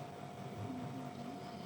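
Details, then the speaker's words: Suction machine (vacuum set with secretion collection canister) switched on and tested before nasotracheal airway suctioning with a suction catheter; steady low motor hum with faint whine; suction machine running. "Ini yang ngidupin alatat alat ya alat sudah dihidupkan"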